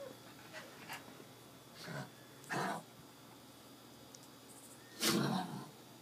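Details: Dog with kennel cough, on medication: several short, harsh, forceful coughing bursts.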